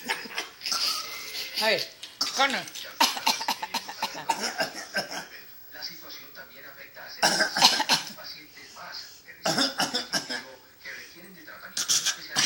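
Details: A 9-month-old infant gives short, forced cough-like bursts mixed with babbling, a deliberate fake (voluntary) cough.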